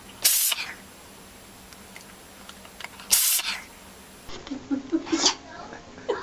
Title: Hilarious dogs and cats yawning and sneezing! Try not to laugh 😂